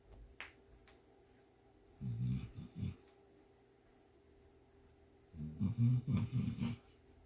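Two bouts of low, rumbling snorting snores in a quiet room; a sleeping dog snoring.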